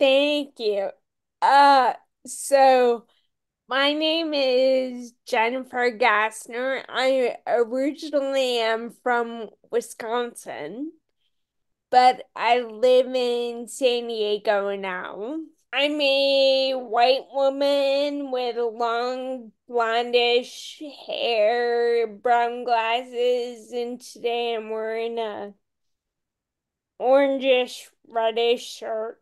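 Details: Ataxic dysarthria in a woman with Friedreich's ataxia, a rare, genetic, progressive disease diagnosed at age 16; she reports longstanding voice issues.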